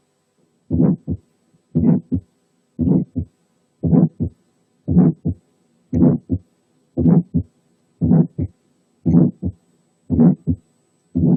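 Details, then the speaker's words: Functional ejection systolic murmur over the pulmonary area: regular heartbeat near 58 a minute with a very short ejection murmur after the first sound and a normal second sound. "نسمع مثال للإيجكشن سيستوليك murmur اللي هي functional على البالمونري"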